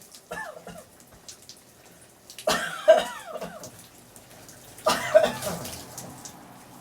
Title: Coughing in the Shower